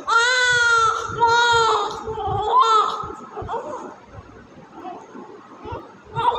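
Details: Newborn after successful IVF, immediately after birth. Loud, clear, rhythmic wailing cries that fade into quieter whimpers with room noise; normal vigorous newborn cry.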